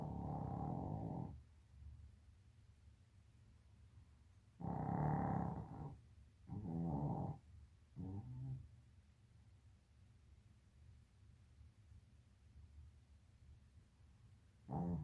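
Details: Sleeping dog snoring: loud, deep, rattling snores, several in a row with quiet pauses between breaths.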